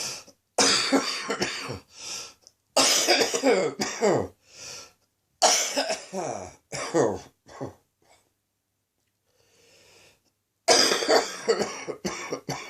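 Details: Repeated bouts of deep, harsh adult coughing with a brief pause: an afternoon chesty, productive cough during an ongoing chest infection.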